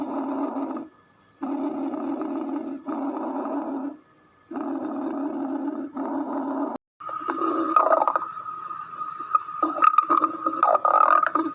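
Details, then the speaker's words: Stethoscope auscultation of the abdomen: long low rumbles with short pauses, then bubbly gurgles, normal stomach gurgling and rumbling during secretion of digestive enzymes; normal bowel sounds (borborygmi). "الصوت اللي احنا سمعناه هو بيمثل auscultation of stomach gurgle rumbling sound، الصوت المميز أثناء عملية secretion of digestive enzymes في الهضم وغيره"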